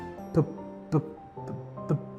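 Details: Acted demonstration by a speech-language pathologist of the repetition type of stuttering, a speech fluency disorder, produced on the Malayalam phrase 'my name': stuttering with sound/syllable repetition.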